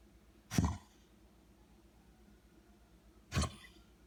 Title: Snoopy coughing